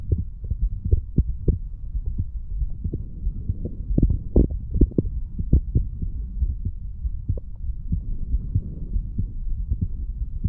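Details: Self-recorded stethoscope heart sounds of a standing 35-year-old man over mitral, tricuspid, pulmonary, aortic and right ventricular areas; valves opening and closing nicely; normal heart sounds.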